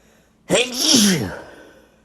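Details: Wet sneeze from a male: a single loud, wet, explosive sneeze with a voiced cry that trails off, in a quiet room.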